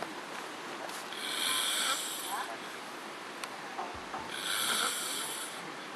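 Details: Adult man sleeping on his side at a campsite after several beers gives two loud, harsh, rattling snores about three seconds apart, with steady outdoor noise; friends remark he has a breathing problem; snoring.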